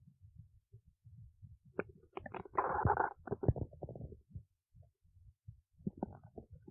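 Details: Low gurgling, rumbling, bubbling noises rising to a louder squelching growl; ordinary stomach growling (borborygmi).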